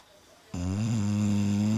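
A sudden, sustained low buzzing breath with a steady droning pitch; snoring.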